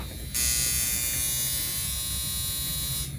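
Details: Steady, harsh electric buzz starting abruptly for about three seconds as a NuDerma high-frequency skin therapy wand with comb attachment runs at level five during an at-home scalp and facial treatment on a mother.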